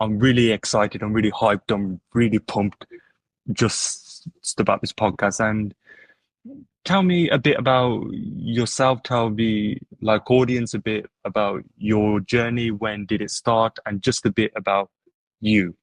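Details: Adult who stutters, heard in conversation; stuttering with word repetitions.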